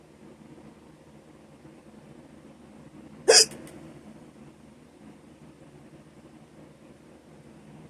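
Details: A single sharp, abrupt hiccup sound against quiet room noise.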